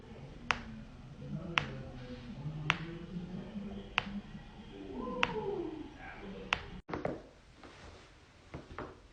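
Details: Loud back crack and more cracking: about seven sharp, evenly spaced cracks over faint talk and room noise, joint cavitation during manual adjustment.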